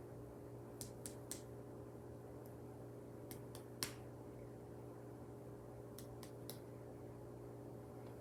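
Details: Percussion of the back over the lungs during a head-to-toe nursing assessment: soft groups of quick finger taps, a resonant note, normal; lungs were bilaterally clear on auscultation.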